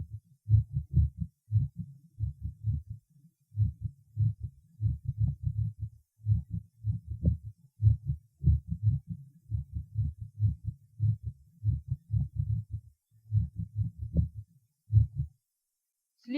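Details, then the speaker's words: Apex recording in patient with tachysystolic atrial fibrillation: fast, irregularly irregular heart sounds with beat-to-beat changing loudness. "мерцательная аритмия или трепетания предсердий чаще всего аускультативно определяется отсутствием всякой закономерности следование тонов сердца а также их меняющейся звучностью прослушайте запись полученную на верхушке сердца у больного стахий систолической формой мерцательной аритмии"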